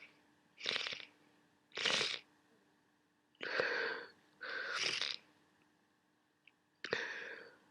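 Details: Sneezing with a worsening cold: a run of about five sneezes and sniffles against a low, steady hum.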